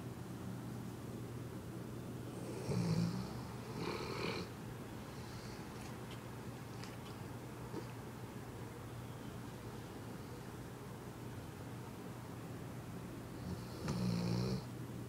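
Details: A dog sleeping and snoring: short snorting snores with long quiet gaps, over a steady low background hum.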